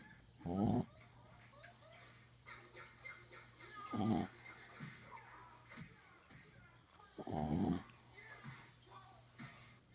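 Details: Buddy, a sleeping dog, snoring: three snorts about three seconds apart with quiet breathing between, about 17 breaths a minute.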